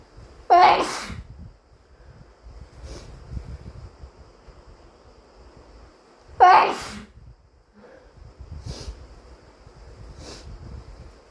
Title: Wet induced sneezes plus wet nose blowing